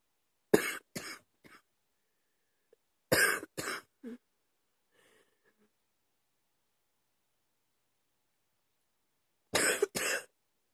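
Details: Recurring night-time cough at 2 AM after waking in the middle of the night: three separate bouts of two or three harsh coughs each, with quiet pauses between, in a silent room.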